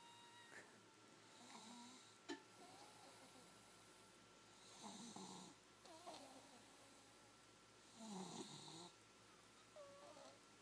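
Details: Snoring in a sleeping 3-year-old child: soft snores, about 18 breaths a minute, in a quiet room.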